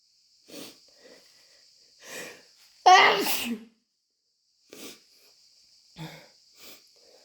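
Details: Sneezing induced with chhinkni: a few soft sniffs and catches of breath, then one loud, wet, explosive sneeze, followed by quieter sniffing and breathing.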